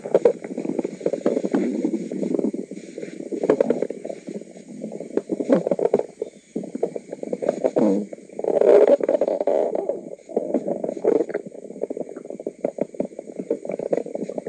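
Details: Active bowel sounds (borborygmi) of ordinary digestion from an adult woman's belly: near-continuous low gurgling and rumbling with brief pauses.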